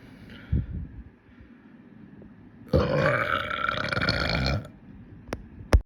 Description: Heya, I finally found the courage to make a longer burping video. It’s full of really bubbly ones that made my tummy feel funny, hope you all like em.